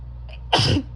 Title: 11/21, harsh and barky bronchitis sneezes pt 2!